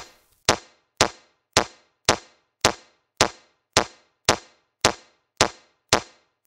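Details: Crisp, evenly spaced clicks at about 110 a minute from a Mindray C-series AED metronome, pacing 30 chest compressions then two rescue breaths during CPR training.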